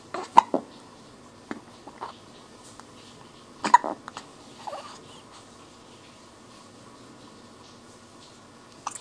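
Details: Hiccups: two or three sharp, abrupt gulping sounds several seconds apart in a quiet room.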